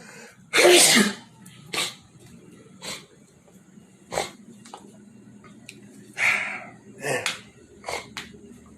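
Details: Repeated sneezing in a quiet living room: two forceful sneezes with several smaller breathy bursts between them.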